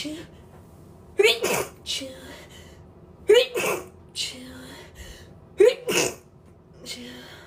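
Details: Girl sneezing three times about two seconds apart, each sneeze with a short voiced lead-in and a sharp burst; repeated sneezing.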